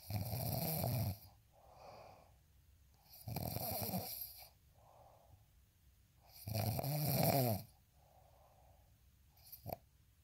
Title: snoring asmr sound 142